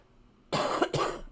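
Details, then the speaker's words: Two quick, harsh, fairly loud coughs from an adult woman who says she is sick with congested sinuses; cough. "sorry I've been sick I'm trying very much to mute and pause before coughing and so hopefully I catch that"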